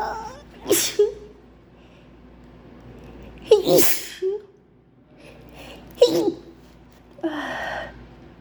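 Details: Acted sneezing fit presented as flu: four wet, explosive sneezes, each preceded by a short gasping build-up, while trying to hold them in; sneezing.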